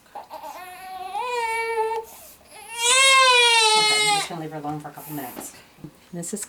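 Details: A triplet girl (extremely constipated) cries during a chiropractic Koren Specific Technique adjustment: loud, high-pitched bursts with brief whimpers between, in a small room; an ordinary infant cry.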